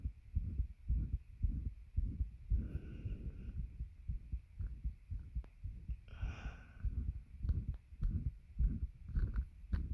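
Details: Heartbeat recorded with a bed pressing on the chest: regular low thumps near 110 a minute with heavy breathing noise rising and falling over them; fast but regular heartbeat.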